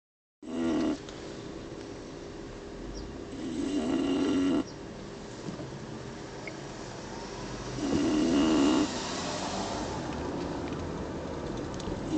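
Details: English Bulldog sleeping on the way home: a few rattling, buzzy breath noises, widely spaced, with steady low room noise between; snoring in a flat-faced dog.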